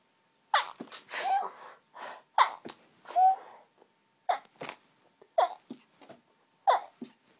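A run of high, sharp sneezes, about six in quick succession with brief breaths between; a sneezing fit from hay fever.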